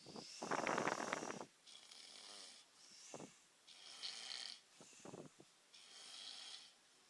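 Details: Snoring: rough, rattling snores on the in-breath alternating with softer hissing out-breaths, a few cycles over seven seconds.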